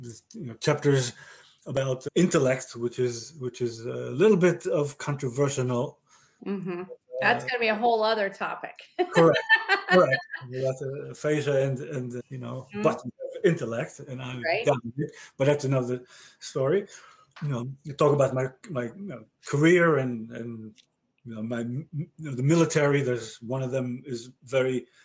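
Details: Male stroke survivor with aphasia following a stroke about 30 years ago, with word-finding difficulty in conversational speech; aphasia.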